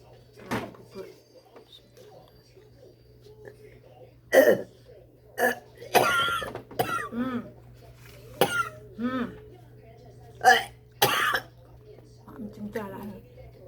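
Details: Elderly woman (grandmother) in hospital on day 6 of stay, coughing: about eight repeated short, harsh coughs and throat clearing over a steady low room hum; cough.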